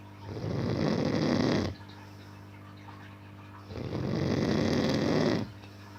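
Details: A man snoring in deep sleep: two long, loud, rattling snores about two seconds apart, with quiet pauses between them; ordinary heavy snoring.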